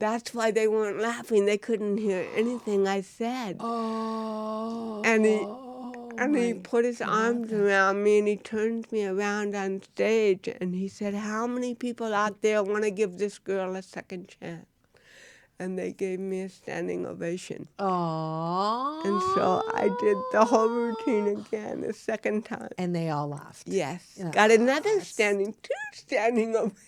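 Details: Woman (actress) with cerebral palsy, real, unacted speech in a studio interview; dysarthria in cerebral palsy.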